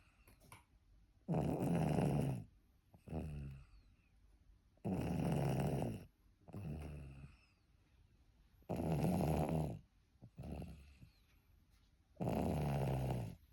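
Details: Sleeping baby girl: loud, rough snores on each breath in, about 17 a minute, with quieter breaths out between them; infant snoring.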